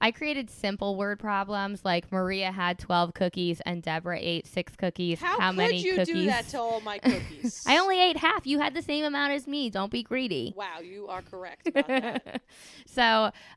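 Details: Adult woman speaking; ordinary speech.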